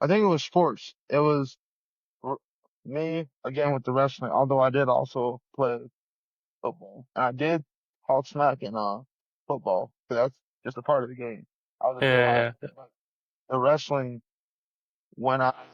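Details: 34-year-old man with a lifelong stutter since childhood that persists in adulthood, stuttering hard especially on 's' words and his own name; stuttering.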